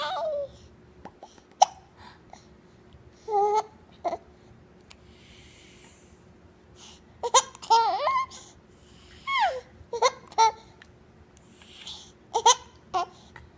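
A baby giggles and babbles, with several short, sharp, abrupt catches between the laughs, which fit hiccups.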